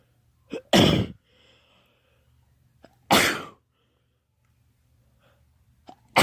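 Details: Person with allergies recording sneezes through one day, their birthday: two loud, explosive sneezes, each after a short sharp inhale; allergy sneezing.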